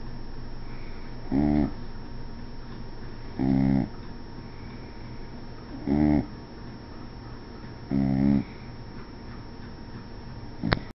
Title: Sunshine Snores